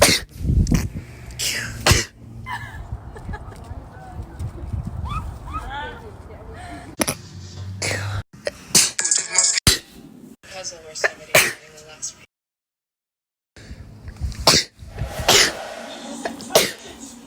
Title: Sneeze Compilation: Snëze pt.3